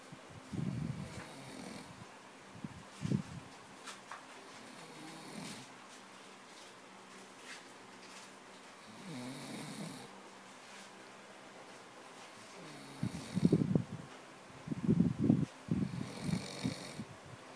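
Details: Person (cousin) snoring while asleep: uneven, low, rumbling snores and snorts with quiet stretches between them, growing louder toward the end.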